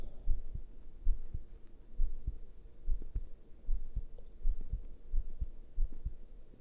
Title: pounding male heartbeat w/ heavy breathing